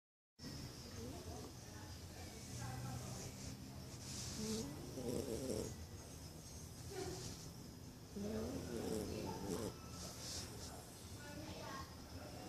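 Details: Corgi sleeping, very tired after a Christmas party: rhythmic rumbling snores with nasal whistling on the breaths over room noise; snoring.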